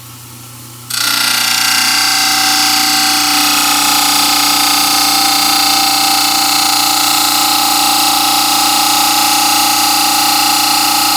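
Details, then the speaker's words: Steady loud motor whine with a grinding hiss as a model trimmer cuts the first side of a plaster dental study model along a line drawn 4–5 mm from the teeth; model trimmer grinding. "So now I'll go on the trimmer and I'm going to follow that line."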